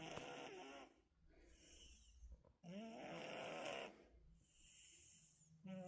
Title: the sweetest snoring 💕#cat #cats